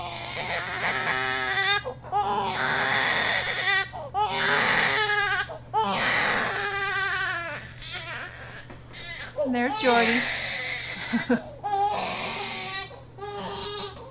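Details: Infant with repeated wailing cries with short gasping breaths between them, over a steady room hum; infant cry.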